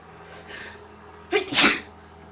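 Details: Sneeze after big buildups while the nose is running, amid repeated nose blowing: a soft inward catch of breath, then one forceful sneeze over quiet room hiss.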